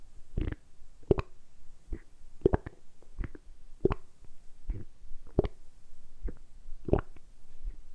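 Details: Steady run of short, deep gurgling pops, roughly two a second; deliberately produced stomach rumbling by a man for about ten minutes, normal bowel sounds; borborygmi.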